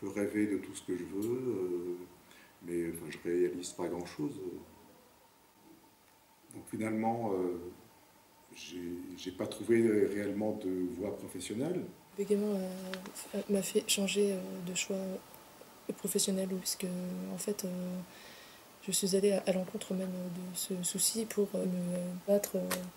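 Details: French-speaking adult with stuttering, real, working in sales; stuttering.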